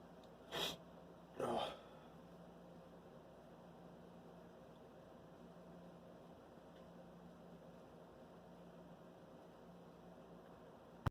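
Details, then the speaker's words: Two sharp sneezes close together, the sneezer trying to hold back and remarking it still tickles, then quiet room noise; ordinary sneezing. "I'm gonna try to hold back, but I can't. Oh. It still tickles."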